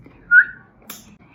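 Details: Sudden brief whistle-like vocal sound between phrases from a young adult woman with Tourette syndrome, whose tics she describes as severe and limiting; vocal tic.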